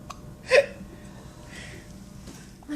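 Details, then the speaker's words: Baby's first hiccups: one short, abrupt infant hiccup over soft room noise, followed by a faint quieter sound. "at daddy look up daddy oh he's got hiccups finally ok"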